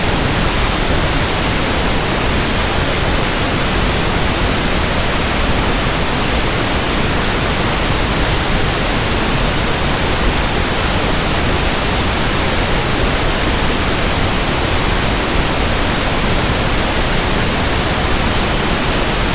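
Steady, even hiss of pink noise without change, a simulated sample for matching against persistent tinnitus.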